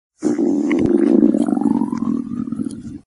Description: Stomach Growling, Stomach Rumbling, Stomach Noise